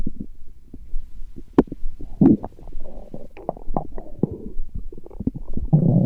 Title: Stomach growling, Урчит в животе